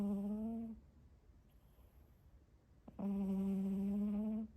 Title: My cat snores!